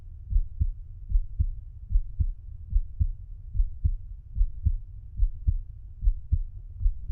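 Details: A male subject lying on his side is auscultated at the mitral area (apex) with the stethoscope bell, giving a regular low-pitched lub-dub at about 74 beats a minute: heart sounds at the apex.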